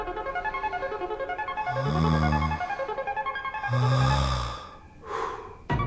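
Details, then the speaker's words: Demonstration of normal snoring: two low, rumbling snores over background music, without the breathing pauses of sleep apnea. "एक normal snoring and sleep Ekaniya snoring में क्या difference है? एक normal इंसान ऐसे खराटे लेता है।"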